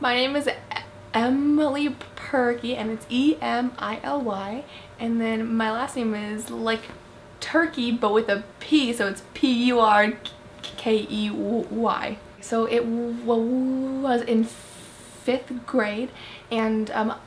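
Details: Female who stutters, first noticing it in 5th grade on seeing a video of her presentation, later attending a camp for kids who stutter; stuttering.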